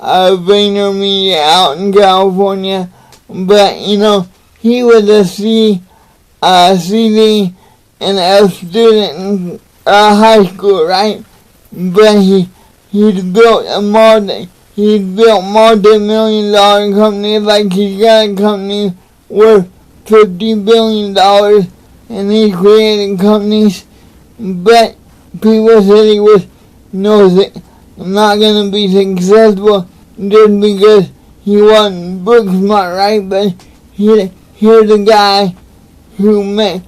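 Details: Adult man with cerebral palsy, motivational speaker, talking to camera; dysarthria (cerebral palsy).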